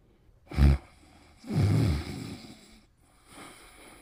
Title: Pimples' Cute Snoring in 40 seconds